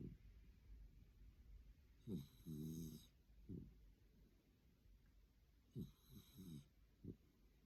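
Soft snorting and fluttering snore sounds on some breaths over steady room hiss, irregular and fairly faint.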